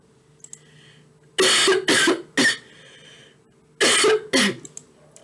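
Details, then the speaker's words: Five harsh, forceful coughs in two groups, three then two, in a quiet room, from a person speaking during a live-streamed lecture; an ordinary cough. "Ai, pessoal no Instagram tá ouvindo minha tossida, gente. É o jeito, aqui eu não consigo silenciar. Me desculpem."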